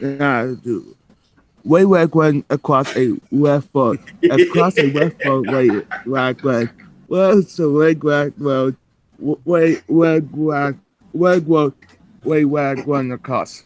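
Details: Adult man who reports that his r and w sound the same, more so when reading fast, attempting an r-heavy tongue twister; rhotacism (r produced as w).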